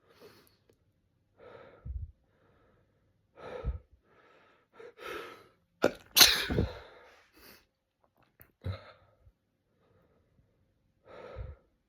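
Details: Morning sneezes: a series of sharp inward catches of breath building to one loud explosive burst, then more quick breaths; a fit of sneezing.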